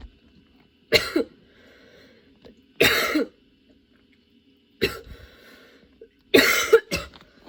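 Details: Nonstop coughing fit that appeared suddenly and kept worsening, bringing tears: repeated harsh coughs in quick pairs, four bouts within several seconds with short pauses between.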